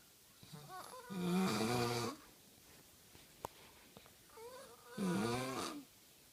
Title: FUNNY SNORING..